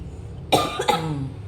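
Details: Two short, harsh cough bursts; a lingering cough that has not cleared up, which the patient attributes to heavy lifting.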